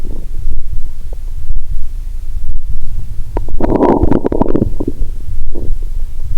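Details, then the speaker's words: Stethoscope on own abdomen while lying down after a Mentos and cola challenge (not all the cola drunk): loud low rustling with a burst of gurgling, bubbly rumbles, no sloshing sound, perhaps from too much fluid; bowel sounds. ""यह Chapo Chapo ध्वनि (स्लोश)🙇💦 बनाने के लिए प्रतीत नहीं होता है"। "शायद इसलिए कि बहुत अधिक पानी है, यह पॉपिंग साउंड नहीं लगता है🙇🙇🙇"।"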